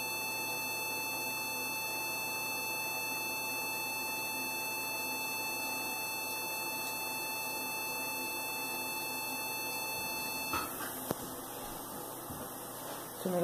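Continuous high-pitched electronic tone from a surgical laser during operation, stopping abruptly near the end, followed by faint handling sounds.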